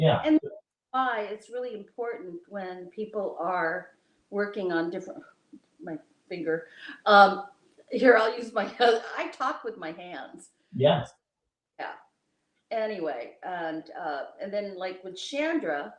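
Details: Adult speaker in a small room; ordinary conversational speech.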